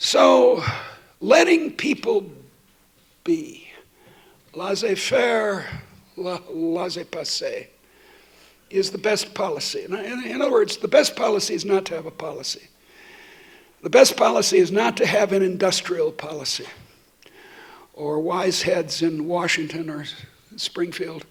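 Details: Adult woman who states she stutters, speaking while she also has a terrible cold affecting her voice; stuttering.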